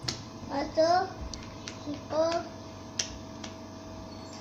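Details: Language delay in a 5-year-old boy with CLN2 disease, diagnosed at age 2 because of the delay; on intracerebroventricular cerliponase alfa enzyme replacement since July 2017; development otherwise normal, and the delay persists but has improved.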